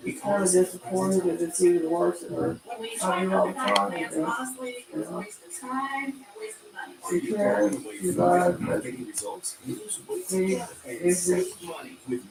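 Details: Adult man with self-reported cerebral palsy who lives with his mother and a caretaker; dysarthric speech in cerebral palsy.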